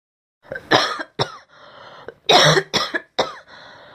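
A burst of several harsh, forceful coughs from an adult in a sound-effect recording.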